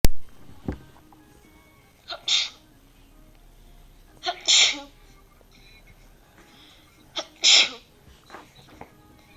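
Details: Sneezing fit: a run of three sneezes, each a short intake followed by a sharp burst, at steady intervals.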